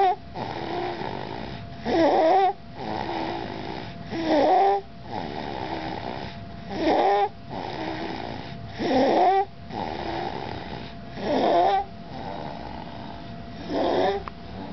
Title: stridor at night.avi